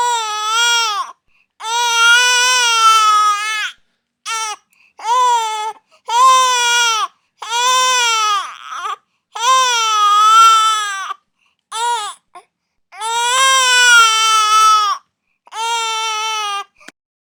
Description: Real Baby Crying Sound Effect